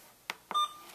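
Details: Two soft key clicks, then a brief steady electronic beep from an IV infusion pump keypad while a nurse enters a normal saline rate of 100 mL/hour for dehydration; normal keypad beeps.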